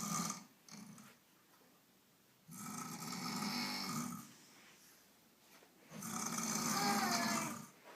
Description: Incredible Earth shattering snore wakes up baby!